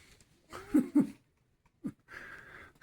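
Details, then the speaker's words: Scottish Fold cat snoring: two snorting breaths with a whistling, wheezy edge, then a short snort and a soft rasping breath; cat snoring. "That's my sister's cat snoring. Sir William is a Scottish fold."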